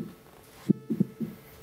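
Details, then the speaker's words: Normal heart sounds through a stethoscope: soft, low thumps with a very regular rhythm at 60 beats per minute. "Como has dicho, Boris, late sesenta veces por minuto de forma muy regular, lo que corresponde de hecho a la contracción del corazón que expulsa la sangre al torrente sanguíneo."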